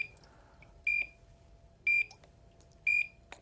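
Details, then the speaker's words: Short high beeps about once a second from a HeartMate 2 LVAD controller, the disconnected-battery alarm sounding during a battery change in an EMS training demonstration. "notice the alarm for the disconnected battery was going off at the same time"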